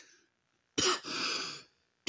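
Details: A single harsh cough burst, then a drawn-out raspy throat clearing in a quiet room, from a man, an ex-serviceman, who smokes and bought cigarettes that morning.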